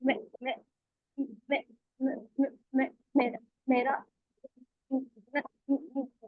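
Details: Voluntary (deliberate) stuttering: a self-help group member demonstrates tight voluntary stammering with repetitions.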